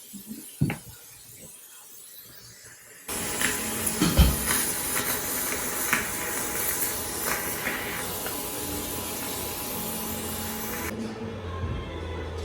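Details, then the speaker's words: Steady loud hissing suction starting suddenly as whitening gel is suctioned off the teeth after the first 15-minute session of professional Zoom teeth whitening, before a new coat. "So now what I'm gonna do is just suction it off and then apply a new coat."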